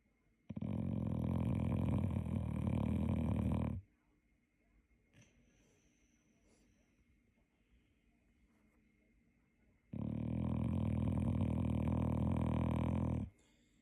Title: Ryder was zonked out after a long day and his snoring proved it #boxer #boxermom #funnyanimals